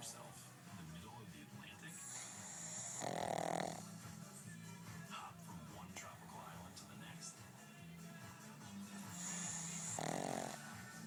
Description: My Bai is a sound sleeper and he snores pretty loud too.